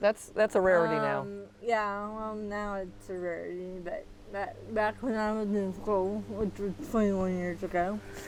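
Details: Dysarthria in a 40-year-old woman with moderate athetoid cerebral palsy, quadriplegia with moderate to severe physical involvement, GMFCS level 3/4; speech may be hard to understand.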